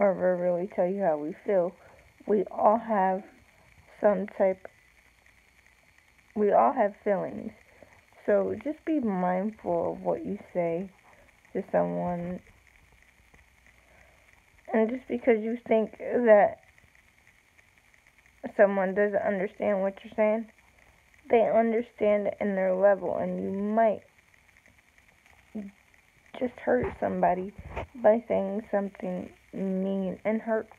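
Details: Woman with self-reported cerebral palsy, no specific speech disorder named; slow speech with long pauses; speech in cerebral palsy.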